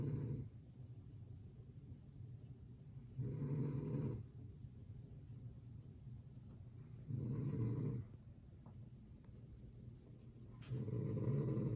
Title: Bare feet sleeping (snoring)